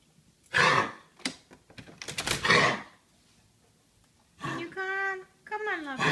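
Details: Female dog gives several harsh, forceful coughing bursts in a small room, followed by whining: a dog's cough.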